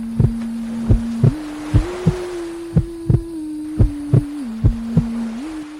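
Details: Heartbeat used as a sleep aid for a baby girl: soft, regular paired low thumps over a steady hum and a gentle tune.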